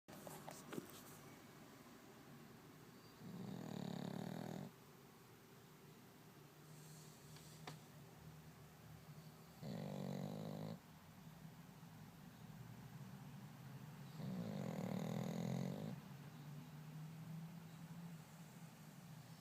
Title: Snoring dou